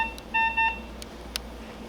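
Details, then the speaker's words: Short series of steady mid-pitched electronic beeps over room hiss: a capnography monitor's apnea alarm, demonstrated in a teaching session. "that's the noise you don't want to hear in real life life and that's your apne alarm going off"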